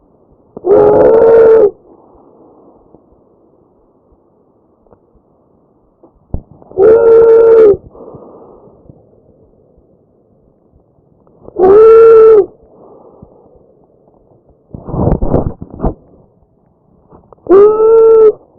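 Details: Tracheal stridor in breath sounds recorded from a real patient.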